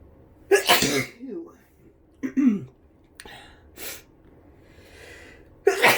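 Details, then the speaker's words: Sneezing bout during flu, with an itchy nose: several explosive sneezes in a row, each with a sharp inward catch before the burst. "Oh, my nose is so itchy. Ew. Ew. Ew. Ew. Ew. Oh my God, bless me."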